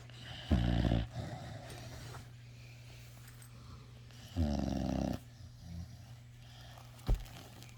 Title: Snoring puppy is just too tiyerd